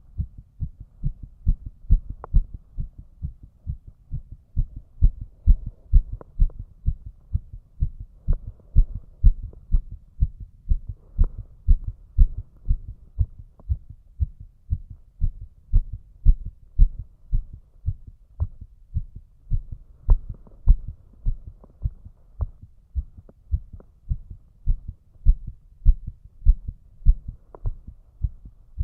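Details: Male heart sounds at about 150 bpm after trying to raise the heart rate, which rose less than expected: rapid, regular low thumps; tachycardia.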